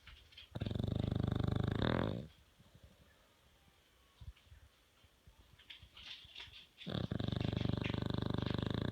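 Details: Dog snoring: two long, deep, fluttering breaths in with a quiet pause between them.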